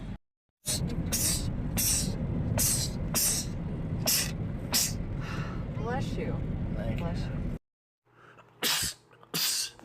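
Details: Men's rapid sneezing compilation: several sharp, explosive sneezes in quick succession over loud background noise, then two more after a pause; a rapid sneezing bout.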